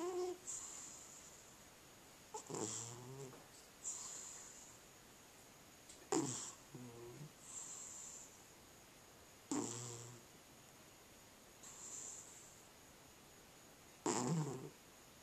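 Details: Sleeping cat snoring loudly on each breath, with hissy exhalations and gaps between breaths, consistent with sleep apnea.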